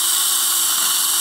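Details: Dental implant drilling in the mandibular ridge at 1000 rpm with saline, for a 5.0x10 ET3 implant: steady high-pitched drill whine preparing the bone.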